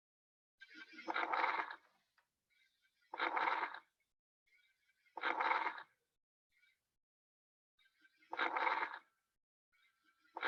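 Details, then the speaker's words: Crackles (rales), abnormal breath sounds linked to fluid, inflammation or excess secretions in the lungs. "bueno o aquí que aquí ya empezamos a ver los que no son normales que ya empezamos a ver lo que son los crepitantes lo civil ansia los estertores"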